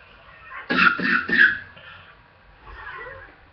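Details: Cough during a small asthma flare after a run, lungs still weak from recent illness: three harsh, dry coughs in quick succession, then soft breathing.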